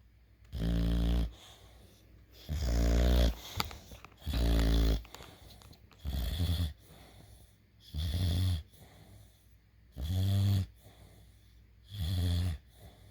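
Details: A sleeping dog snoring steadily: regular low, rattling snores, about 30 a minute, with quiet exhalations between.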